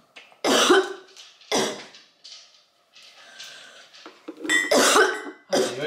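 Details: Acted coughing fit in a coughing-up-blood prank: several loud, forceful coughs in bursts, staged with fake blood by a woman pranking her boyfriend, who reacts with alarm.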